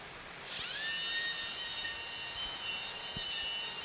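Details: Steady high-pitched surgical drill whine after a brief hiss, faint irrigation wash beneath, during a cadaver endoscopic Draf III frontal sinus demonstration using the outside-inside technique, drilling from medial to lateral with saline irrigation.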